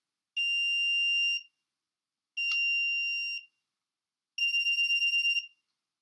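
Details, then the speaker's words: Three high-pitched tones about a second each, the last pulsing, from a HeartMate 2 LVAD power module during the daily self-test after holding alarm silence 5 seconds; LVAD power unit self-test alarm tones. "Simply press and hold the alarm silence button for 5 seconds, and this sequence of lights and audio tones will occur."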